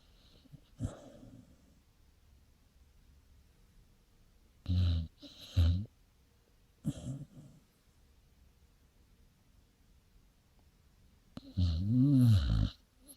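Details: Sleeping dog dreaming and snoring: irregular soft snorts and rumbling breaths, ending in a longer groaning snore; light snoring.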